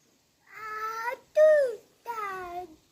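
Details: Deaf child attempting 'I want to watch cartoon'; speech of a child with profound hearing loss.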